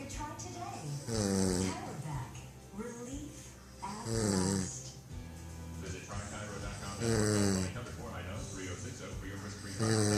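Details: Brother's heavy snoring recorded at 07:27 in the morning: loud, deep, fluttering snores about every three seconds with rumbling breaths between.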